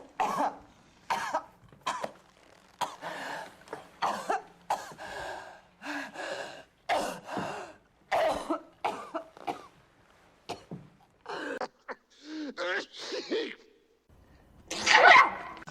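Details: Acted film coughs from a movie supercut: a rapid run of coughs and throat clearing from different scenes, with a sharp sneeze-like burst near the end.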